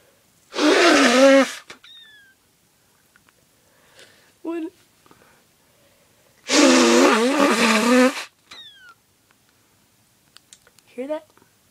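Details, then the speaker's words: Person with a cold blowing the nose: two forceful blows, each with a high whistling squeak, then short squeaky bits; air whistling through a congested nose, nasal squeak on nose blowing. "hi I'm sick and when I blow my nose it makes a weird noise so I'm about to show you listen carefully it's like a squeaking noise goes"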